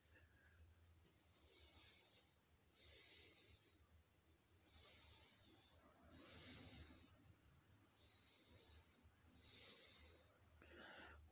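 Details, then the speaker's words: Exhausted adult collapsed at home while trying to sleep, breathing loud, heavy, harsh and airy at about 18 breaths a minute, at the limit: laboured breathing. "もう倒れ込んでるんですけども、呼吸音聞いてもまた分かると思うんですけども、もうしんどい限界、本当に。"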